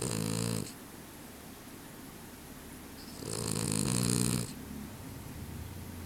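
Loud, buzzing, vibrating snores in long drawn-out bouts with quieter breathing between, a dog snoring in sleep.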